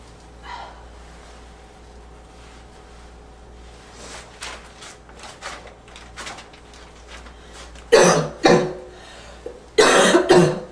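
Quiet breaths, then two harsh, loud cough bursts with a barking quality; any wheeze is hard to pick out.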